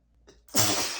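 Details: A quick in-breath, then one loud, explosive sneeze from a male during an allergic sneezing fit; allergies are bad today, and he reports dizziness and that the medication he took isn't working.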